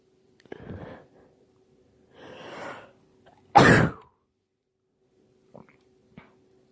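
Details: Gasping in-breaths build up to one loud explosive sneeze, then small sniffs, from a collection of one person's allergy sneezes recorded throughout their birthday; sneeze.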